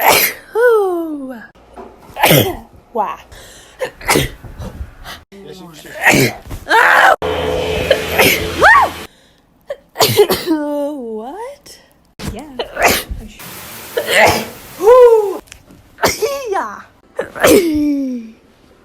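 Repeated sharp explosive bursts with rising voiced intakes before them, a run of sneezes with gasping build-ups.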